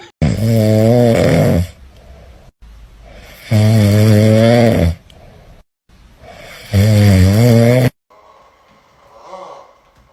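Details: Three loud, low, rattling snores on each in-breath, about 19 breaths a minute, with quiet breathing out between; snoring.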